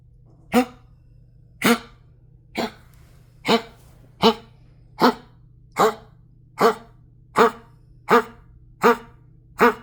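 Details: A dog gives twelve sharp, dry, hacking bursts in about ten seconds, roughly one per second, over faint room hum: repeated coughing.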